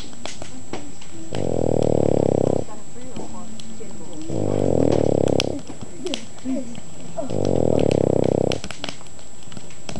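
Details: An elderly Boston Terrier sleeping warm on a lap by a crackling campfire gives three loud, rattling snores about three seconds apart, roughly 20 a minute: snoring.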